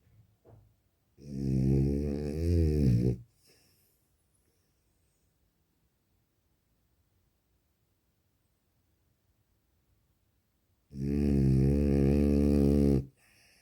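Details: French bulldog: two long, loud, buzzing snores about ten seconds apart with silence between; snoring in a flat-faced dog.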